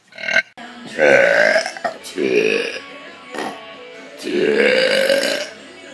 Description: Burps which were originally deleted from 2013.